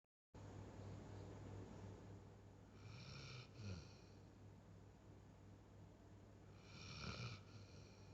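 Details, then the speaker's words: Chocolate labrador named Jerry snoring while asleep: low, steady rumbling breaths under a constant room hum, with two louder snorting breaths. "এই জেডি, নাক ডাকছিস কেন? এই নাক ডাকিস না।"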